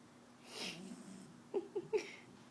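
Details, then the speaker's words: Sleeping 11-week-old French Bulldog puppy: soft noisy breath followed by three short nasal snorts in quick succession; snoring/snorting. "oh my gosh can he be snoring any louder hear snoring"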